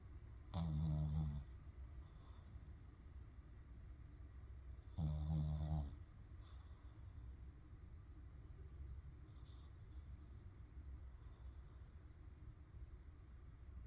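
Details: A sleeping dog snoring loudly: two loud, deep, rattling snores about four seconds apart, then quieter breathing.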